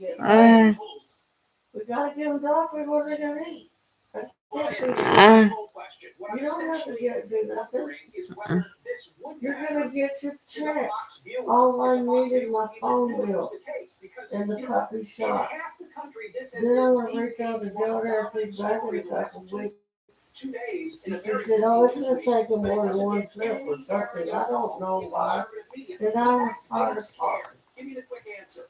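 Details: Adult man with self-reported cerebral palsy who lives with his mother and a caretaker; dysarthric speech in cerebral palsy.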